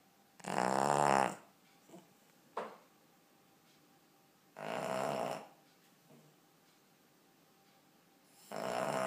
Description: This is my ten year old cavalier king Charles spaniel called Dudley. And yes he really does snore this loudly.